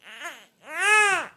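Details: 68-day-old infant lying down and struggling to fall asleep: two brief fussy cries, a short whimper then a louder wail; tired-baby crying.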